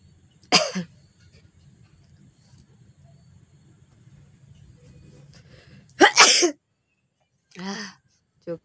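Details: Two loud, explosive sneezes with a sharp burst of air, then a softer sound and brief silence; deliberately induced sneezing in a sneezing challenge, leaving the sneezer's eyes watering.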